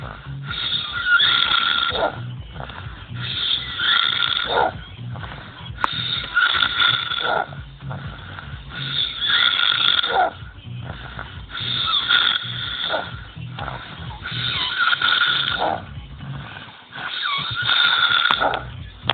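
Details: Man asleep, snoring: regular, harsh, rasping snores about every 2.5 seconds, roughly 24 breaths a minute, loud throughout.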